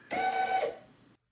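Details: Brief mechanical motor whine fading out: linear actuator, Arduino-controlled with limit switches reversing direction, compressing an Ambu bag in a simple prototype emergency ventilator built for COVID; ventilator actuator noise.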